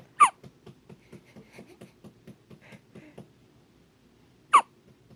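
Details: Baby (labeled 7D, possibly 7 days old) hiccupping nonstop: two sudden, sharp hiccup sounds about four seconds apart, with soft rapid breathing between them.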